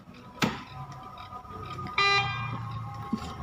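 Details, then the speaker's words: Hawk i1 infusion pump demonstration: mains power cord pulled out while infusing, triggering the AC power failure alarm, cleared by pressing the clear button; infusion pump AC power failure alarm. "lalu sekarang saya akan coba narik nih PLN nya"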